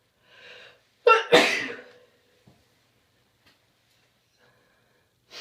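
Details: Sneezing with a cold: a short intake of breath, then a single forceful explosive sneeze, followed by quiet.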